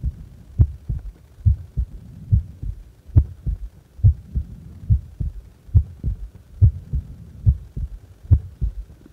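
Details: Resting heart recorded while doing nothing, from a 10-minute recording: steady paired lub-dub beats at about 70 a minute, regular rhythm, normal heart sounds.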